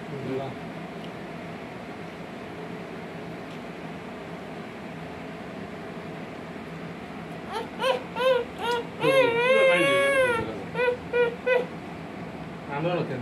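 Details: Eleven-month-old baby, after steady background noise, gives a run of short, rhythmic fussing cries rising into a longer wail: infant crying, reportedly for a samosa.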